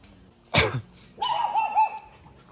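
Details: Shelter dog, one of several coughing dogs being given anti-inflammatory medicine; coughing thought to follow recent temperature swings: one sharp, harsh cough burst, then a whiny, high-pitched vocal sound in a small room.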